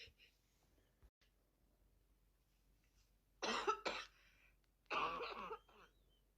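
Two bouts of harsh coughing with throat clearing, each a few rough bursts, in a quiet room; coughing with a head cold.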